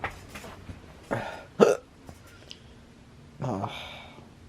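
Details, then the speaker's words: Hiccups, described as a serious case: several sharp, abrupt vocal hics at irregular intervals in a quiet room; the person says they hurt their chest and head. "all right guys I got the serious case of hiccups and it sucks there goes one oh man I can't stand hiccups they really hurt my chest"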